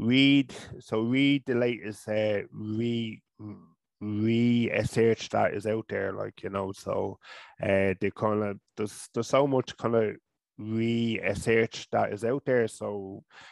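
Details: Adult man from Ireland, a person who stutters, with speech therapy first around age 5 or 6; stuttering.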